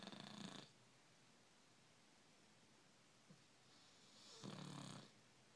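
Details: Dog snoring during sleep: two loud, rough snoring breaths with a quiet pause between them; typical snoring.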